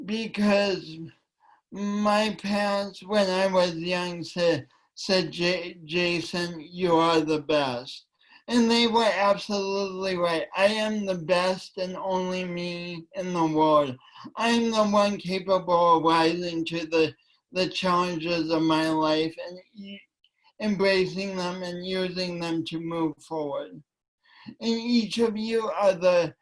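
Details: Man with cerebral palsy since birth, which he attributes to oxygen loss from a kinked umbilical cord, affecting his voice and coordination; dysarthria (cerebral palsy).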